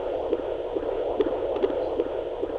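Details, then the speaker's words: Fetal heartbeat of a baby boy heard by ultrasound Doppler at home while the mother feels him kicking: rapid rhythmic whooshing pulses about 140 a minute over a steady hum. "he knows your voice is he can hear you inside this is the heartbeat of my baby boy"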